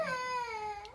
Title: Why this baby is crying so much...🥺 #cutebaby #funny #video